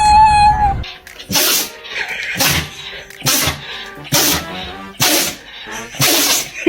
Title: Funny dog sneeze #funny #pets #animals